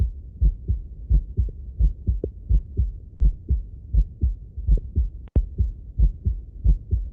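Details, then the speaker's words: An adult's own heartbeat recorded with a Bluetooth-connected digital stethoscope: steady paired low thumps at about 86 beats a minute, a normal heartbeat. "so an example of this this is my heartbeat so no worries about um sharing a client something or other but here's what this sounds"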